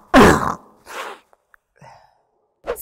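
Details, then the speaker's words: A loud acted sneeze followed by a softer second burst, simulating the sneezing of seasonal allergic rhinitis (hay fever) set off by pollen; sneeze. "seasonal allergic rhinitis also called hay fever is caused when a snoot full of pollen sets off that chain reaction leaving you sneezing stuffy itchy eyed and runny nosed"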